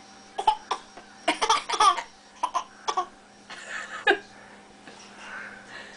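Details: A young child imitates an adult's cough with a series of short, light cough-like bursts, mixed with giggly vocal sounds and room noise.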